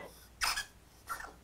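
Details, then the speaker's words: Three-week-old mini chocolate sable Australian labradoodle puppies with kennel cough (infectious tracheobronchitis): two short, harsh, airy coughs. "on the morning when she went home she was coughing and we knew it was kennel cough now you will be able to hear these puppies coughing"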